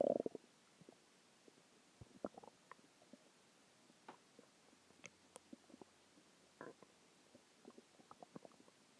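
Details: Bowel sounds a few hours after a very large meal: quiet, irregular gurgles and short rumbles from the abdomen, ordinary stomach growling.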